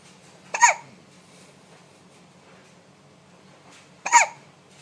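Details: A baby with hiccups: two short, sharp voiced hiccups about three and a half seconds apart, with quiet room noise between.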